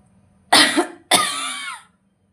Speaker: If somehow due to pain, surgical incision, uncoordinated muscular effort is affecting your cough quality, then there are different coughing techniques to help you. Double cough